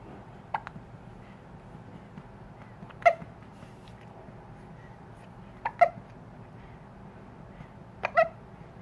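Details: Hiccups: four brief, sharp gulping catches a few seconds apart over a quiet room background.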